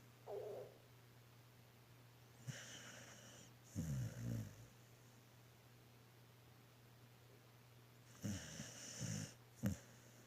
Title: How milo snoring 😴😊 #pets #doglover #puppy #dogowner